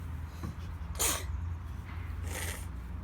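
Two brief hissing bursts over steady low background rumble, the first sharper; sounds like small sneezes.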